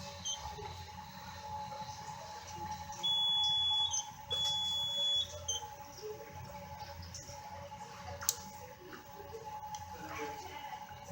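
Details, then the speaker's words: Two sustained high electronic beeps over a low machine hum: hemodialysis machine alarm triggered when the patient's catheter or fistula malfunctions, causing extracorporeal circuit problems, possible filter collapse and insufficient blood flow to the chambers and filter. "Es allí en donde el catéter o la fístula del paciente tiende a disfuncionar con alteraciones en el circuito extracorpóreo, en donde se va a ver que posiblemente haya un colapso del filtro y que no llegue la suficiente cantidad de sangre a las cámaras y al filtro para hacer su proceso. La máquina detectaría esta alarma"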